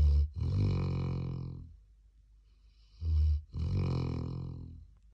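Two deep, low, buzzing snores with a short snort at the start of each, a few seconds apart. Snoring in a sleeping dog.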